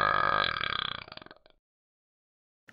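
A single long, rumbling belch that breaks into rapid pulses and fades over about a second and a half.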